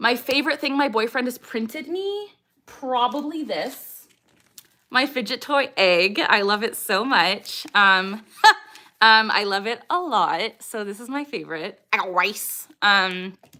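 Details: Woman with moderate Tourette syndrome, diagnosed at age 12, with motor tics and mostly echolalic vocal tics such as "I got rice", "JT Miller" and "je t'aime"; vocal tics (Tourette syndrome).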